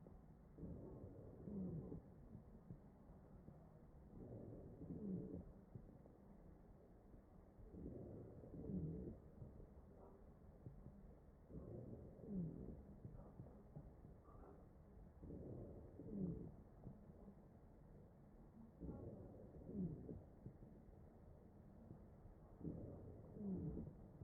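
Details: Real mechanically ventilated patient's chest: regular ventilator breaths, about 17 a minute, each carrying a brief low musical wheeze from narrowed airways.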